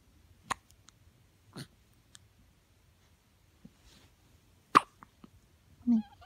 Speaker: You got hiccups, little one? Oh my goodness. You're so little. Why are you so hiccupy?